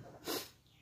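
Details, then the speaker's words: A single brief, sharp, breathy sneeze with a quick intake before it, from an adult with a cough at night who says dust or cotton fluff makes her nose itchy and runny. "hidungnya pastilah so gatel meler"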